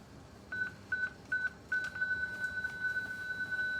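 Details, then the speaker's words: ZOLL monitor/defibrillator during a NICU transport inservice: beeping electronic tone rising to a steady continuous tone after pressing charge, signalling ready to shock; if not discharged, the tone turns high-pitched after 60 seconds; defibrillator charging tone. "There's 3 ways to get rid of the energy. Wait 60 seconds for that annoying tone to get high pitched and squealy."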